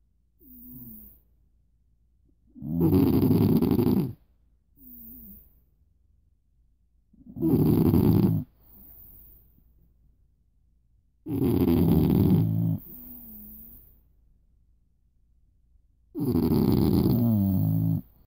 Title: Snoring duet